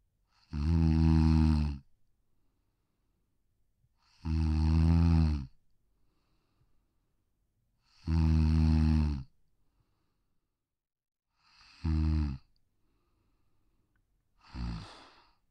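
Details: Sleeping Pug, a brachycephalic short-muzzled breed, snoring softly on a deck: regular low, rumbling snores at about 16 per minute separated by quiet pauses; brachycephalic snoring.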